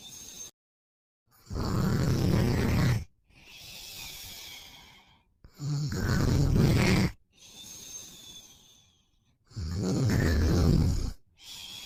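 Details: Boyfriend snoring while asleep after a long day: loud, regular rattling snores on each inward breath with quieter outward breaths, about 15 breaths a minute.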